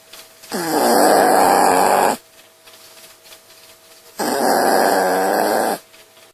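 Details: Two long, rough, rattling snores about three and a half seconds apart, with quiet pauses between, from a sleeping puppy; snoring.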